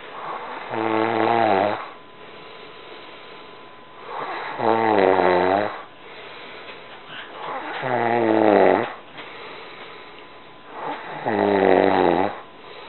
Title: YERNO RONCANDO